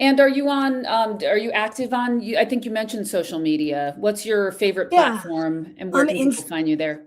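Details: Adult woman speaking; Normal speech.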